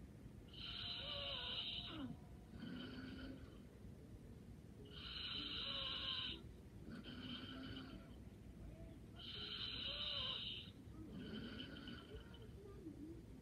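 Soft, slightly whistling snores on both the in-breath and out-breath, about 13 breaths a minute; light snoring.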